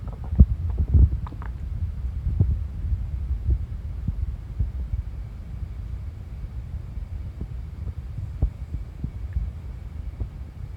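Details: Owner's stomach noises, low gurgling rumbles with irregular pops over a steady hum, recorded while a tabby cat lay sprawled on her belly being petted; ordinary stomach rumbling.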